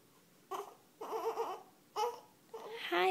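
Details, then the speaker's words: Infant girl with hiccups, crying unhappily: short, fussy cries in bursts about every half second, rising into a louder wail at the end; infant cry. "baby hi girl baby I'm sorry you have those hiccups"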